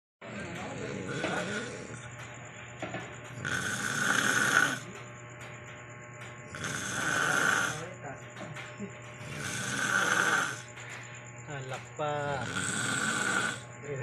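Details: Drunk person snoring: loud, rough snores about every three seconds (roughly 21 per minute) over a steady background hum with faint music.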